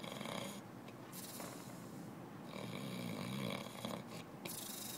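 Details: A homeless man sleeping outside a federal office snores, reportedly with pauses in breathing: soft rattling snore sounds under hissy background noise.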